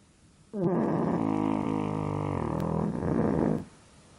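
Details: Pug during a daytime nap that snores as usual and cannot sleep deeply because of its own snoring and laboured breathing: one long, loud, low vibrating snort of about three seconds; strained, noisy snoring.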